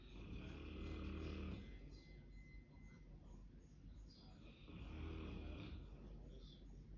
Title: They are snoring 😴!!!